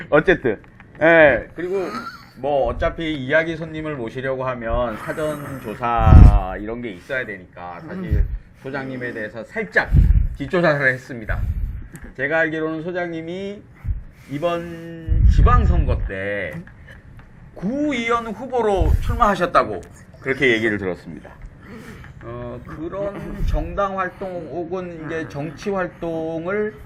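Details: Adult man with a brain lesion disability who describes himself as unable to speak well, with tangled pronunciation and blocked speech; dysarthric speech.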